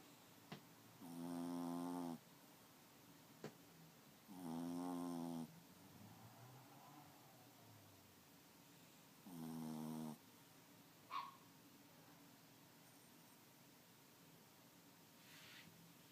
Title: Snoring doggies